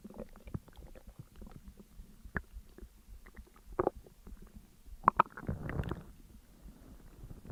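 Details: Soft gurgles and clicks, with a louder rumbling gurgle near the end, while digesting a McDonald's meal of double cheeseburger, large fries, coke and McFlurry; ordinary bowel sounds.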